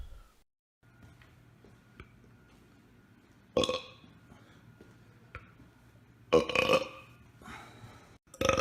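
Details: Person burping deliberately on command: three loud, gurgling burps, the middle one long and drawn out, with quiet room noise between.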